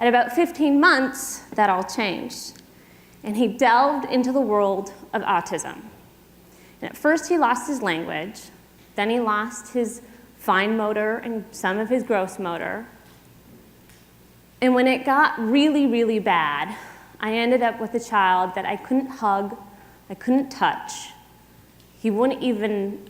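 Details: Adult woman speaking; typical speech.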